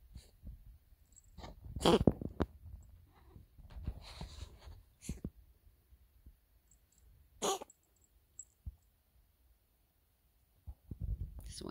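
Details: Cough.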